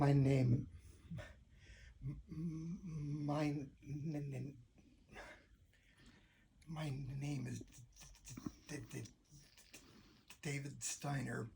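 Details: Adult man's habitual stuttered speech without any fluency techniques, as he spoke for most of his life; stuttering.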